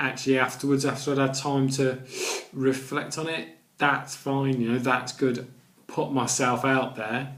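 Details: Adult man with a stammer that includes blocks and repetitions: stammering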